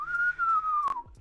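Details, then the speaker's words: Imitated wheeze demonstrating upper airway narrowing during stethoscope auscultation tutorial for emergency technicians: a single high, steady whistle gliding slightly downward. "está silvando por qué está silvando algo aquí se está cerrando"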